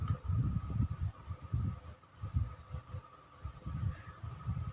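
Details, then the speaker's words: Normal fetal heart rate of 130 a minute, singleton with cephalic presentation, head not yet engaged, heard over the fetal back during antenatal exam while maternal pulse is palpated; soft rapid whooshing pulses over faint hum. "denyut jantung dari bayi Ibu 130 itu normal ya Bu"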